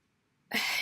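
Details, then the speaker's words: Adult woman with asthma, not yet recovered from a recent illness, with ongoing cough and shortness of breath on walking: one sudden harsh cough burst. "guys might hear that I'm still having some coughing. And I am having some shortness of breath still. And I'm also still having trouble breathing when I'm walking."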